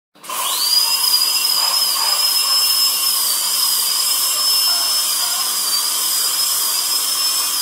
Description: High-pitched whir that means a dentist’s drill is in use.